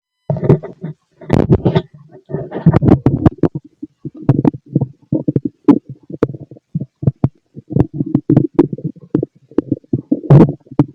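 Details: Stomach growling in a fit male, heard through a stethoscope: frequent bubbling, gurgling bursts and clicks in quick succession; active, ordinary bowel sounds.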